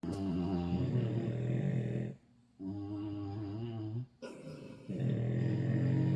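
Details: English bulldog puppies asleep with full bellies on a cold winter night, snoring: loud, low, rattling snores in long breath cycles with brief pauses between them.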